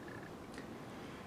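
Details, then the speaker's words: Dog snoring in the background while a man talks. "by the way I apologize if you can hear my dog snoring in the background"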